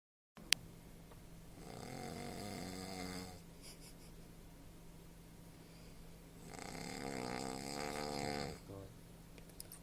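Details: Male sleeper snoring after falling asleep: two long, harsh, fluttering snores on the in-breath, separated by a quiet pause, with a steady room hum.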